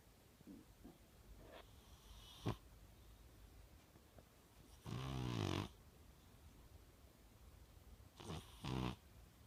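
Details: Snoring in a young blue British Shorthair cat asleep: soft snorting snores with short breathy bursts over a quiet room hiss.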